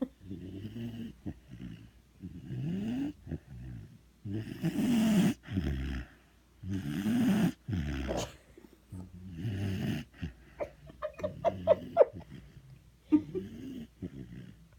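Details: Sleeping dog snoring: irregular, rough rumbling breaths with snorting and a few squeaky sounds.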